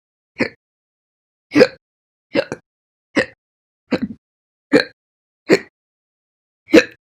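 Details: Slow hiccups: eight short, sharp voiced hiccups at roughly one-second intervals in a quiet room, a few with a double catch.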